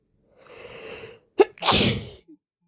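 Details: Harsh, forceful sneezes, a sharp inward breath then two explosive bursts, some stifled, from an adult using chhinkni snuff for the first time; the nose is normally not sensitive and was prompted with a rolled napkin.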